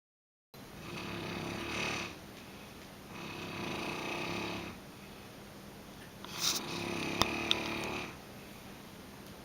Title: Snoring